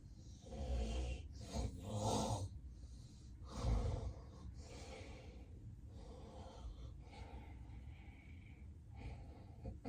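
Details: Loud, rough snoring bursts and heavy snorting breaths, then a quieter stretch without clear breaths, recorded during a real, unplanned daytime nap by a person with excessive daytime sleepiness: snoring with obstructive sleep apnea.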